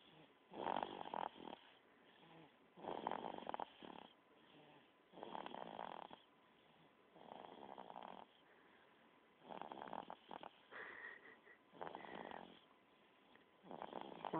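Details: Sleeping 3-month-old baby snoring in a steady rhythm, with a rough, rattly noise on each breath.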